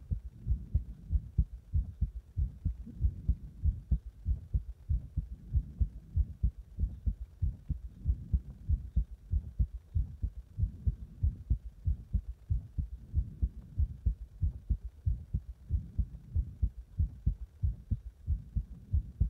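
Loud, regular low thumps at about 94 per minute, heard during chest compression.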